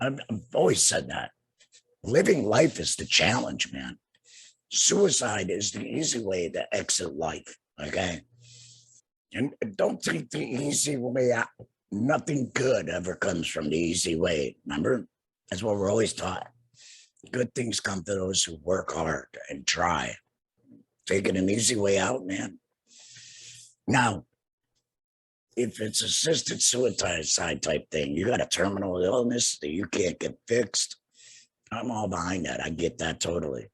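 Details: Adult man two years after total laryngectomy for cancer treated with radiation and chemotherapy; no larynx, breathes through a neck stoma, speaks via tracheoesophageal puncture (TEP) voice prosthesis with HME; tracheoesophageal speech after total laryngectomy.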